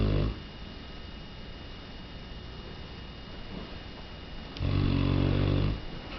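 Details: Three-year-old Mastiff dog sleeping, loud deep rattling snores with one long rumbling breath near the end and quiet room noise between; ordinary snoring.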